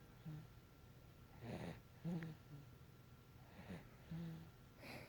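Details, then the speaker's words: Jack, a sleeping dog, snores with soft, low snorting breaths repeating every second or so: ordinary snoring. "so much for a nap for mommy my little baby bear keeps snoring"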